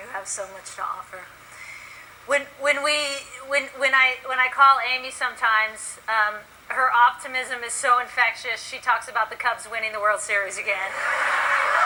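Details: Adult woman; normal speech.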